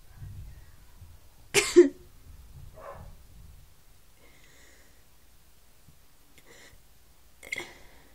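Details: Person feeling unwell: a sharp double cough burst, then a softer cough and a later brief cough in a quiet room; coughing.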